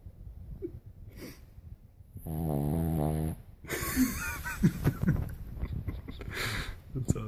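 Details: Sleeping Cavalier King Charles Spaniel puppy: a loud, buzzing snore, followed by people talking and laughing nearby; snoring.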